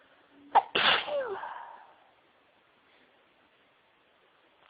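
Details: Person near the end of a cold sneezing: a quick inward catch of breath, then one forceful explosive sneeze fading into quiet room noise.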